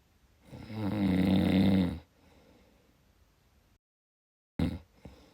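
One long, low, rattling snore on the in-breath, then a quiet pause and a brief snort. Ordinary snoring during sleep.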